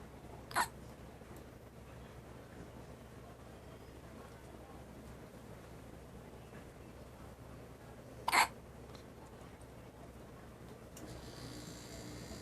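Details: An infant said to hiccup all the time, with two sharp, brief hiccups about eight seconds apart in a quiet room; infant hiccups.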